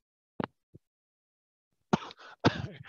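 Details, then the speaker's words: Cough after forceful inhalation through a resistive inhaler-technique training device set to its hardest resistance, reaching 40 on a 0–120 scale (MDI target 30–60); a brief sharp sound, then two harsh, noisy cough bursts from the effort. "you can hear me cough at the effort if i do it properly and that was a really tough breathing then heavy power of puff and i've got to 40 which is actually fine"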